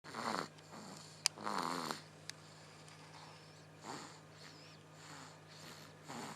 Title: Baby Snoring